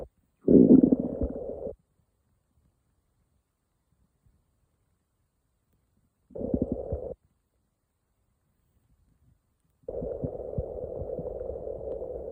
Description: I woke up one morning, and my stomach was going crazy!